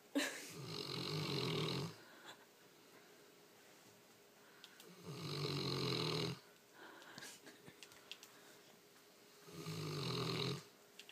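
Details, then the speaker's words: Male dog snoring with his eyes open: loud, rattling snores on each in-breath, about 14 breaths a minute, with quiet gaps between. "How do you snore with your eyes open, dude? He's like looking dead at you,"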